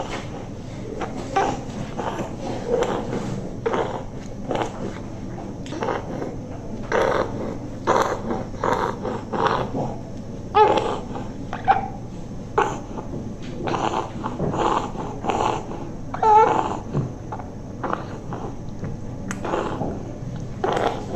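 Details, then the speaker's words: Child with noisy breathing possibly since birth, a suspected congenital issue masquerading as asthma; otherwise well but with expiratory noise: expiratory noisy breathing. "the child is well but the child has some expiratory noise fine so noisy breathing would be"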